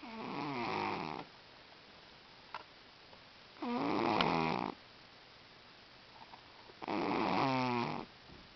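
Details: Sleeping cat snoring, said to get even louder than this: three loud, rattling snores at about 18 a minute, separated by quiet pauses; snoring.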